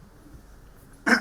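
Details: Adult man wearing a cloth face mask, speaking to students, caught by a coughing fit: quiet room, then a single abrupt harsh throat-clearing burst, cut off.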